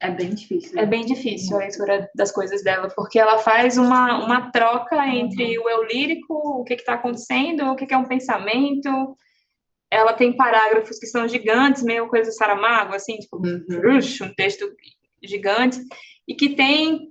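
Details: Adult woman speaking Portuguese; normal speech.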